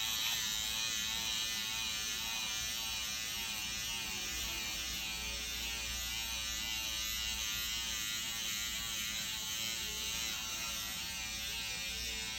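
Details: SkinPen microneedling pen at 1.5 depth on the facial skin of an adult man during a PRP cosmetic treatment, with ProNox for pain: continuous high buzzing of the rapidly pulsing pen in a small room.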